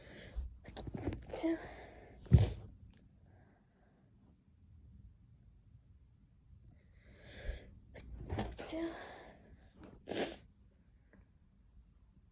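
Several short, sudden bursts of air with soft breathy sounds between them in a quiet room, consistent with sneezing.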